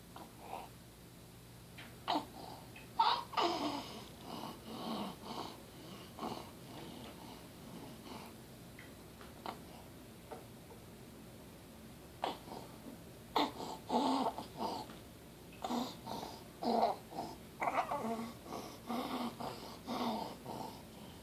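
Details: 6-month-old baby with barking croup and shortness of breath: harsh, noisy breaths with snorting sounds and inspiratory stridor.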